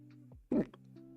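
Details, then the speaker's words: Adult live-streamer's hiccup while sketching and coloring: a single sudden, short, jerky vocal burst over soft steady background music; the streamer says the hiccups come too often to mute each one. "Having hiccups is a pain. Unfortunately, they come to much for me to just mute every time."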